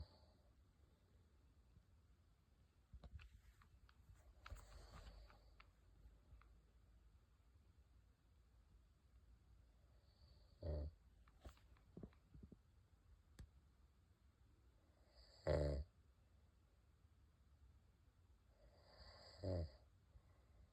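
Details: Adult man snoring while asleep outdoors at a lake in the morning: three short, low snorts several seconds apart over a quiet outdoor background.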